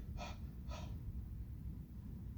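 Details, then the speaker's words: Instructor demonstrates the huff airway-clearance technique: big nasal inhale, hands on stomach, then two short breathy open-throat forced exhalations, used for respiratory secretions and chronic obstructive disease; huffing (forced expiration technique). "I want you to inhale through your nose big breath and then when you exhale you can either do a or do a kind of a huffing where you're"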